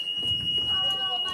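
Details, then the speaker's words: Steady high-pitched electronic hospital warning alarm over low room noise and faint voices, the kind of constant alarm (telemetry, bed, chair, IV pump, code) that nurses describe as causing alarm fatigue. "- I guess I would say alarm fatigue is a, it's a desensitization to the various morning alarms that go off in the hospital, simply because there are so many that are constantly going off."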